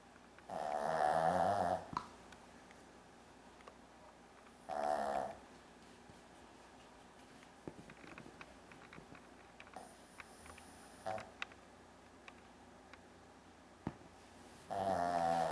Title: Brandi the Funny Shih Tzu Dog Snores Like A Person